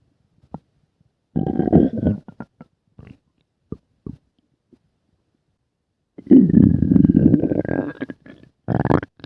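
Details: Low gurgling rumbles in two longer bursts with short pops between: stomach growling (borborygmi).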